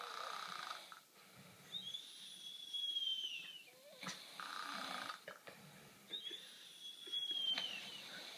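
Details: Funny snoring: rough, rattling breaths with high whistling notes on a few of them, over faint background noise.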